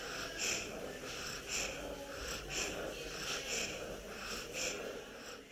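Rapid breathing with a high, whistling musical wheeze as the child breathes out, about 58 breaths a minute.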